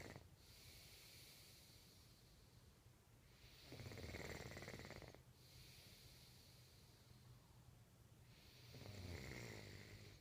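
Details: Person snoring during sleep: quiet, regular breathing with a rough, fluttering snore on each inhalation, about 12 breaths per minute.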